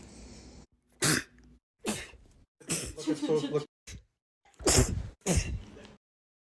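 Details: Several short, sharp bursts of air with breathy catches between them, a run of small sneezes.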